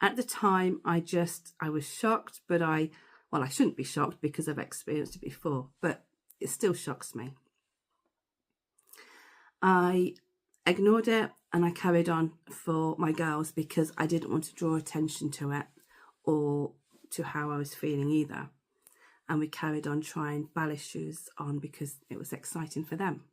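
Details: Adult woman who stammers, speaking on stammering awareness day about her past experiences as a stammerer; stammering.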